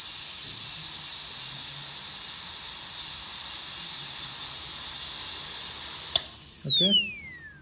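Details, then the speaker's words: High-speed dental handpiece cutting the lingual side in a full metal crown preparation on tooth #46 in a phantom head: steady, piercing high whine that winds down in pitch as the drill stops. "Okay, now I will do on the lingual side. Now in the lingual side we have only two cusps."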